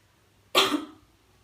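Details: Pre-operative effective-cough training with an adult female patient: she breathes in through the nose, holds her breath, then at the count of three gives one strong, deliberate cough.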